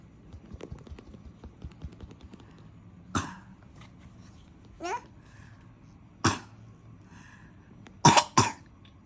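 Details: Sick toddler, tagged as cough and cold and possibly pneumonia, gives about four sharp, separate coughs, including a quick pair, with a short whimper between them.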